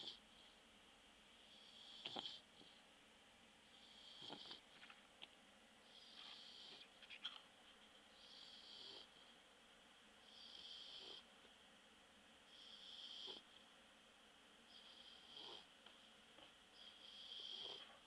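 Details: Bulldog asleep after a walk: soft, high-pitched whistling snores with each breath, about 28 a minute, plus faint sniffing; light snoring.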